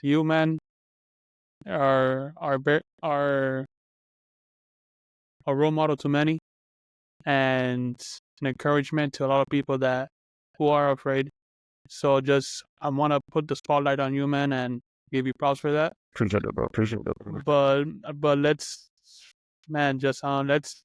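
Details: Adult who stutters speaking on a podcast, mentioning getting stuck while speaking; stuttering.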